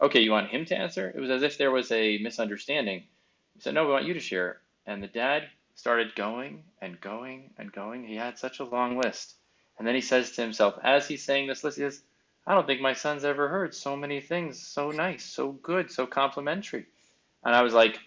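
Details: Adult man speaking; normal speech.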